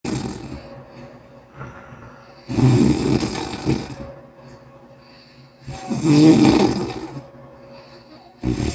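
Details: Loud, rough snoring from an Asian sleeper in repeated bursts, each a rattling inhaled snore followed by quieter breathing, about three snores in nine seconds; loud habitual snoring.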